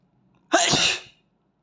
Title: Asian boy sneeze close up (M)